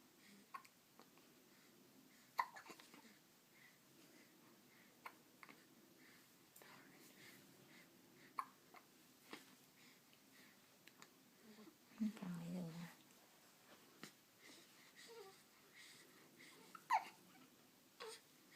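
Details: Hiccups: soft, brief hiccup sounds about every two to three seconds, roughly eight in all, in a quiet room.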